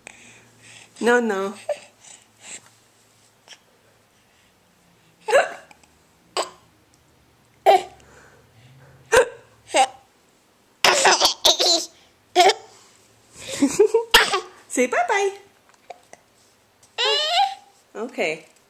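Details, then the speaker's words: Young child with hiccups while laughing: repeated short, sharp hiccups mixed with babbling and laughter; hiccups. "Oh, now you got the hiccups. Oh, no. Now she's going to laugh and get stopped by your hiccups. How is that"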